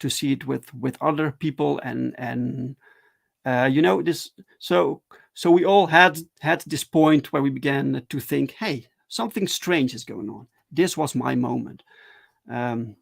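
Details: Adult male with stuttering, speaking live in a solo stream: stuttering.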